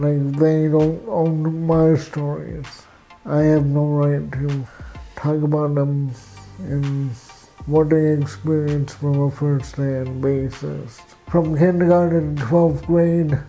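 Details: Adult man with cerebral palsy, with walking difficulty and frequent falls: dysarthric speech.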